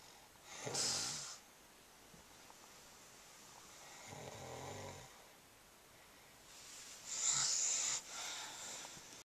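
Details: Snoring from a pregnant woman who never snored before her pregnancy: noisy, hissing sleep breaths with a soft rattle and a low snort on one breath, against room noise.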